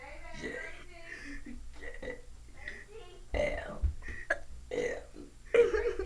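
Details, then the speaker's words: Boy deliberately burping the ABCs, forgetting many letters: voiced burps shaped into letter sounds with quiet talk between; voluntary burping. "in in t x why man man when he burps he forgets a lot of [Music] letters"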